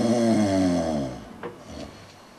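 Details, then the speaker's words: Loud, rattling snore on a single drawn-in breath, fading into quieter breathing, from a TV report on snoring and sleep apnea, where one in eight snorers is said to have apnea. "a sound like this will always be slightly funny but one in eight snorers has sleep apnea and most don't know it so don't laugh the snorer next to you might just be choking in his sleep"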